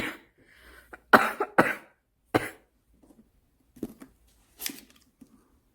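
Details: An adult smoker gives a run of about five harsh coughs, three strong and two weaker, after needing to spit; a smoker's cough.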